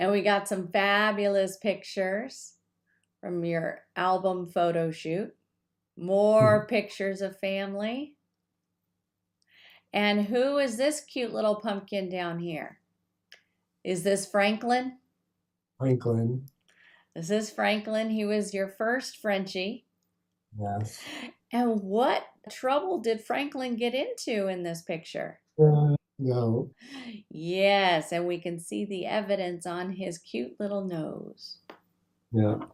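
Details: Adult woman speaking, with brief replies from a second adult; ordinary conversational speech.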